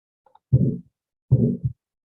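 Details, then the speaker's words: Teaching recording of an aortic stenosis murmur (stiffened aortic valve cusps): two long, harsh, low-pitched sounds about 0.75 s apart, each crescendo-decrescendo, beats blurring together instead of crisp beats. "We have kind of a, yeah, we hear a sort of harsh slam, and we also hear, instead of even beats, we hear kind of like a crescendo and decrescendo. So we have this longer sound where things are kind of blurring together."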